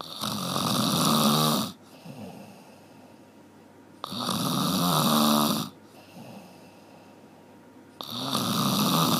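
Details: Loud, rough, rattling snores on each in-breath, about 15 a minute, with quieter breathing between them; snoring.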